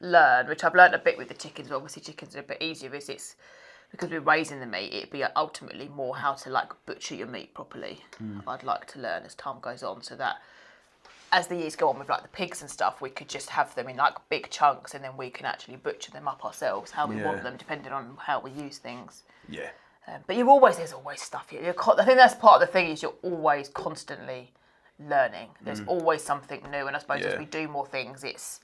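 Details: Adult speakers in conversation; ordinary speech.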